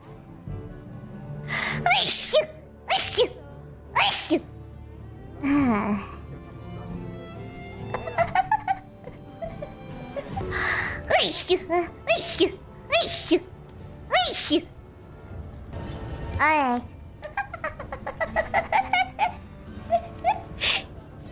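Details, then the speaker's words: A run of repeated consecutive sneezes from a streamer during a live stream, over background music, with brief vocal sounds between them; sneezing. "all yes lots of sneezing [Music] today okay sneezing a l today you yes"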